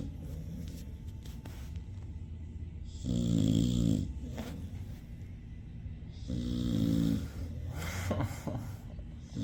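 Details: Sleeping pitbull snoring loudly enough to keep its owner awake: two loud, rattling snores about one every three seconds, with quieter breathing between.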